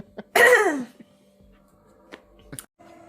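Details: A single loud, voiced burp about half a second long from a female Twitch streamer during a stream, with quiet room noise and a steady hum afterward; burp.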